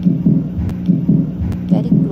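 Steady, deep paired heart thumps from a lion, about 73 beats a minute, a rhythm close to a human's.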